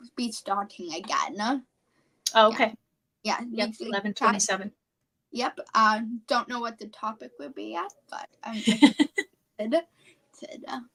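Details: 17-year-old female high school senior with apraxia of speech, a neurological speech disorder; apraxia of speech.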